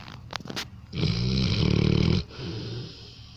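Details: Snoring in a sleeping dog: a loud, rattling, low snore on one breath in, followed by a softer breath out.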